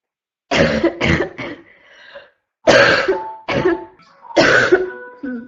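Two bursts of harsh, hoarse, barking coughs, several in a row, with wheezy breaths in between: a barking cough.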